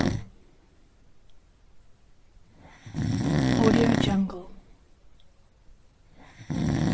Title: Snoring compilation 98